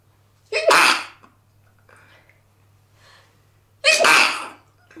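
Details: Two sharp, explosive sneezes a few seconds apart, each with a brief in-breath before it, from a woman: ordinary sneezing.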